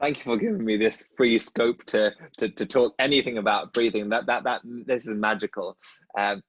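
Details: Dentist who stutters, speaking in a podcast conversation with another dentist who stutters; stuttering.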